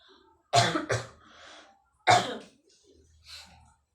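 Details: Three loud, harsh coughs, a quick pair then one more, in a quiet room, from a person with a cold while steam inhaling; cough.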